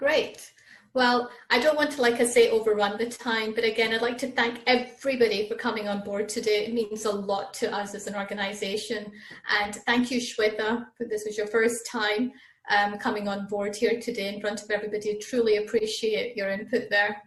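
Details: Adult woman speaking; typical speech.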